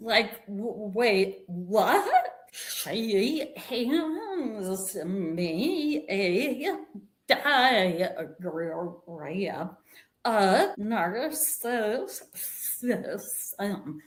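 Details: Adult woman with vocal tremor, which she attributes to over five decades of narcissistic abuse and trauma beginning at age five and affecting her body and nervous system.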